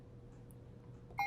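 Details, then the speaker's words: Quiet room hum, then a short electronic beep as a setting change is confirmed on a Puritan Bennett 560 home ventilator, with key sounds set to on in the setup menu: ventilator keypad tone. "and then you can simply adjust that up or down, with finally making a confirmation by pushing this button again. Key sounds, accept the tone."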